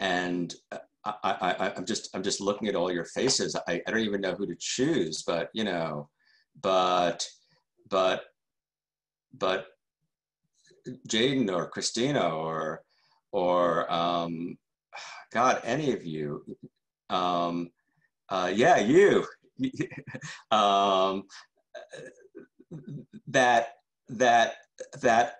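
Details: Adult man who stutters, with word repetitions: stuttering.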